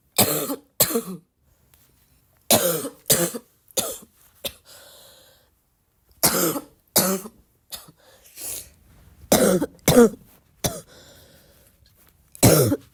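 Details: Persistent cough in a person who is still sick, tagged as a barking cough: repeated harsh coughs, often in pairs or short runs, about twelve bursts with quiet breaths between.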